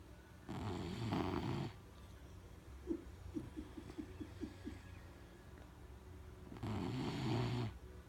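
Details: Snoring from a person after a rough day: two long, rough snoring breaths about six seconds apart, with soft rapid clicking in between; ordinary harmless snoring.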